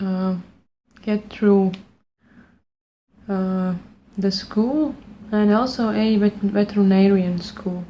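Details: Stuttering since childhood in an adult woman speaking English, not her first language, after completing a fluency speech program.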